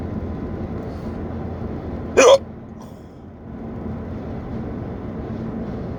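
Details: Persistent hiccups lasting nearly 30 minutes in someone driving a car: a single sharp hiccup over steady road noise.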